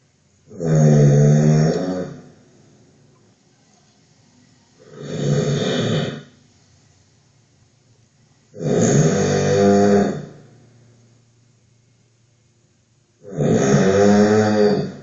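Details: Snoring recorded by a sleep-monitoring app: four loud, rough, low-pitched snores, roughly 13 a minute, with quiet gaps between them during sleep.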